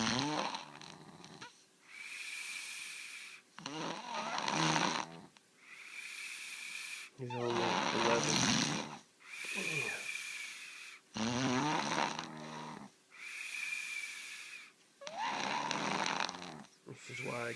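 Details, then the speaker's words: Person snoring loudly enough to keep a friend awake: loud, rough snores on breathing in alternating with quieter breaths out, about 16 breath cycles a minute; heavy snoring. "this is just not right it's so loud"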